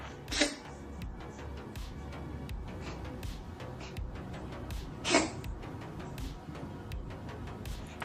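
Two brief, sharp cough bursts from a cat over steady background noise and faint music.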